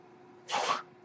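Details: A brief, soft hiss of air rises and fades in a quiet room between spoken phrases: a mechanical ventilator breath cycle from the male podcast host's own ventilator, recorded in real life.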